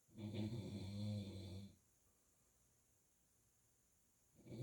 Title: snoring last night